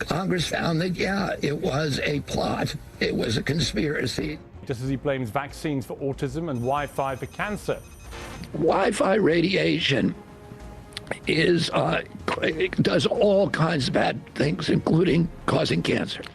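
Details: Adult man with spasmodic dysphonia (which he calls spasmodic dystonia), a neurological disorder that began after a 1996 injury at age 42 and makes his vocal cords tighten constantly; not a tissue injury; surgery in Kyoto about eight months earlier, now on alternative therapies.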